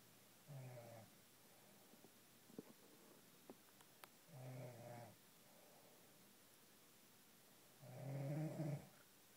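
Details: Woman and pet parrot snoring together: three low, rattling snore-like sounds every three to four seconds, faint clicks between, quiet room; snoring.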